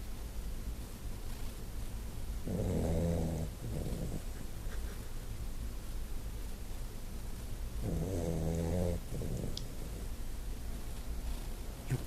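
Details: Sleeping dog snoring: two low, vibrating, rumbling breaths about five seconds apart over a steady background hum; snoring.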